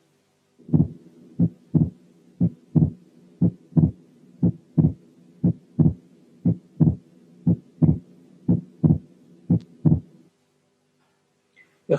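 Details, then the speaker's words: Atrial septal defect with wide fixed splitting of the second heart sound, unchanged with respiration; steady rhythm about 60/min; quiz case from an auscultation teaching recording. "الحل هو الحالة الأولى كانت atrial septal defect with wide fixed splitting of the second heart sound."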